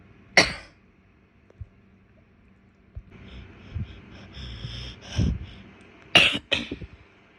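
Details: A female gives one sharp cough, then after a quieter stretch of breathing and room noise, a quick run of two or three more coughs.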